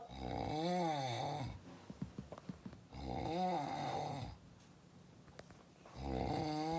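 Loud, rough, fluttering snores on inhalation, about every three seconds, with quiet pauses between them; ordinary snoring.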